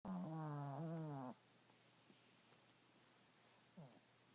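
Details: A 7-year-old dog sleeping beside its owner gives one long, droning, tonal snore, then a quiet pause before the next snore begins; a snoring dog.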